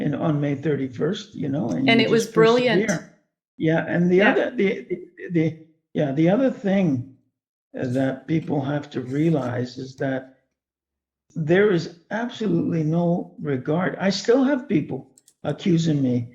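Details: Adult man with permanent vocal cord damage from intubation during illness; finds speaking very hard, especially for sustained periods; dysphonia after intubation injury.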